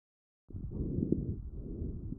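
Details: Fine crackles recorded with the StethoMe electronic stethoscope and classified by AI. Muffled breath sounds with brief, scattered clicking pops, in a child's chest.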